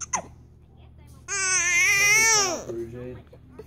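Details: Infant upset by hiccups: a short hiccup-like catch, then a loud, high, sustained wail dropping in pitch and fading to a whimper; infant cry.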